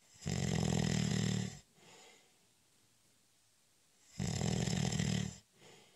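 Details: Snoring during a short, light nap (cat nap): two loud, rattling snores on breathing in, with quiet pauses between.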